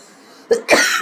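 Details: Worsening cough with headache and some difficulty breathing, being treated with medicines from a doctor; two harsh, forceful coughs close together.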